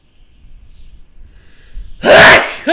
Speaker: where's uh uh what dismount this mount what the wait oh i gotta sneeze